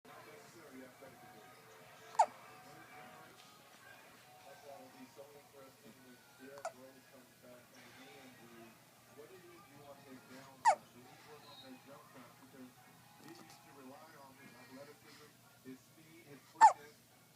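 Four sharp, sudden hiccup sounds at irregular intervals, about 10 a minute, with television talk and music in the background.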